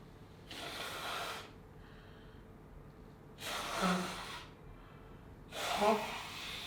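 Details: Three soft, breathy bursts of air a couple of seconds apart, each a quick noisy exhale: mild, cute sneezing.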